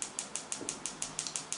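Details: Focused shockwave therapy device pulsing with sharp regular clicks at about six per second, fourth treatment for a rock climber's four-month-old ulnar collateral ligament injury at the index finger distal interphalangeal joint.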